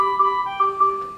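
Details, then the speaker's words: A mechanically ventilated patient with an endotracheal tube sets off a low tidal volume alarm after closed-system suctioning, because the suction catheter was not fully withdrawn from the tube: ventilator low tidal volume alarm. "when you take a look and see that you got that low tidal volume alarm going off you can see it that well"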